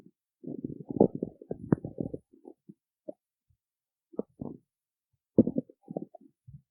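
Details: Stomach growling (borborygmi) after she skipped breakfast: low gurgling and rumbling bursts from an empty stomach.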